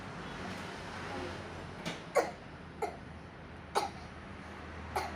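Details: Five short, dry coughs over about five seconds in a quiet room: a young boy, still in kindergarten, deliberately faking a cough on request to contrast with a real one.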